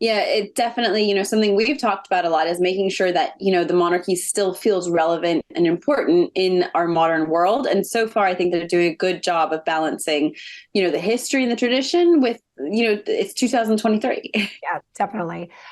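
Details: Adult woman speaking; ordinary speech.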